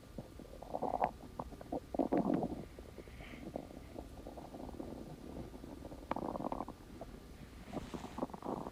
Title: Splendid stomach growling